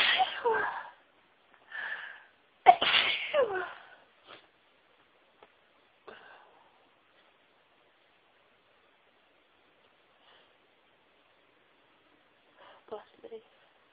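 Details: Very sneezy person recording a variety of sneezes: several full, stifled and high-pitched sneezes, then quiet with faint small sounds.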